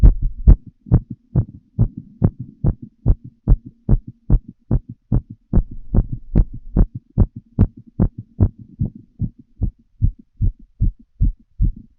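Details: Regular, fast lub-dub heartbeats at about 140 a minute over a faint steady hum, heard by stethoscope during full heart auscultation of a woman smoking a cigarette: rapid heart sounds.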